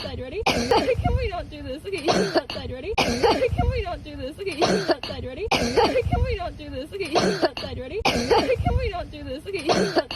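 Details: Dog in a compilation of coughing episodes: repeated hoarse, honking coughing fits, the same bout looping about every three seconds, with a person's voice between; cough.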